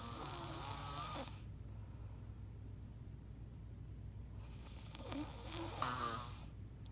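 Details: Two loud, rattling inspiratory snores separated by a quiet pause, over steady low room hum, ordinary sleep snoring recorded by a former partner.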